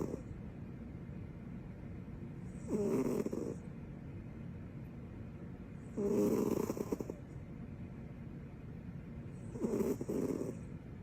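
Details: Sleeping with her tongue out: three loud snoring breaths about every three to four seconds with quiet breathing between; snoring.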